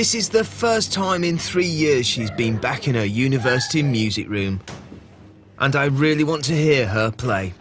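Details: Adult male narrator; normal fluent speech.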